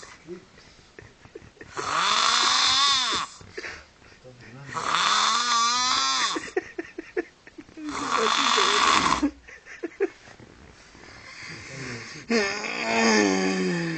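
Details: Heavy snoring at the beach: loud, harsh, buzzing snores about every five seconds, some rising in pitch, with brief voices and laughter between.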